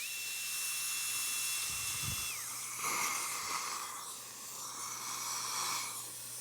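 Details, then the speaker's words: High-pitched dental drill whine dropping in pitch as a super coarse diamond bur shells enamel off the labial and gingival surfaces, with soft water-spray hiss, during anterior crown preparation. "this is a super coarse diamond so I can actually get under the enamel and instead of sanding or grinding something off I'm actually shelling It Off"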